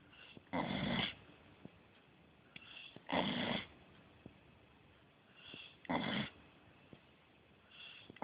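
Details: Beagle named Casey asleep and not wanting to wake, snoring rhythmically with rumbling snores, each loud snore preceded by a softer breath, about 22 breaths a minute; ordinary dog snoring.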